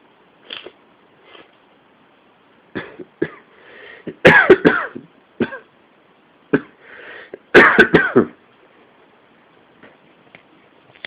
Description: this is from when i had a cold a few weeks back and this was the start of the coughing fits but this was the worst it got